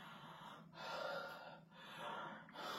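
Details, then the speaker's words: A pulmonologist demonstrates slow, deep breaths in and out through an open mouth as the pattern to use during nebulizer treatment, often for elderly patients or young children, so the medicine deposits well in the lungs. "அதனால கொஞ்சம் நல்லா நார்மலா deep breath பண்ணிக்கோங்க so that புகை வராது நல்லா லங்ஸ்ல deposit ஆகும்"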